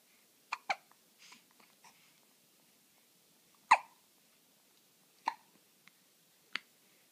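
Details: 1-week-old twin newborn with hiccups: short, sharp hiccups about seven in seven seconds, some with faint soft noises between; ordinary newborn hiccups.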